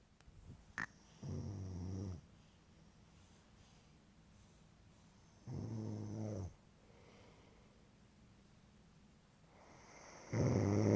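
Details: Snoring: regular low, buzzing snores about every four to five seconds, roughly 13 a minute, with quiet between them.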